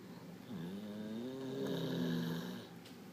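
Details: Sleeping dog snoring: a single drawn-out, whistly, tonal snore of about two seconds with shifting pitch.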